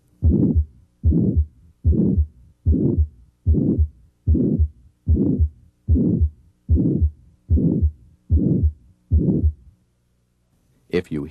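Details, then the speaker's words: Regular heartbeat at about 74 a minute with a loud, harsh mid-systolic murmur, demonstrating aortic stenosis. "systolic murmurs can occur in healthy people or in those with heart disease for example a loud mid systolic murmur may be heard in aortic stenosis"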